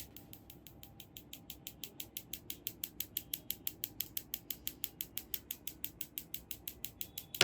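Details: Focused shockwave therapy device firing on a patient's back for muscle pain after seven months of painkillers, one session with chiropractic adjustment: rapid, regular sharp clicks, about six per second, gradually growing louder.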